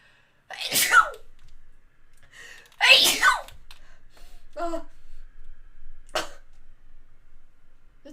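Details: Sneeze.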